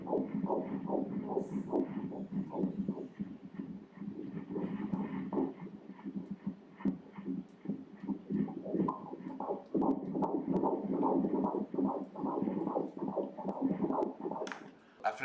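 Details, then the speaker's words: Fetal heartbeat on Doppler ultrasound at 17 weeks 2 days' gestation: rapid, regular whooshing beats measured at 146 beats per minute, normal for mid-pregnancy. "146ครั้งต่อนาทีดูสิ146ครั้งต่อนาทีของหัวใจที่ถ่ายในพื้นที่นี้"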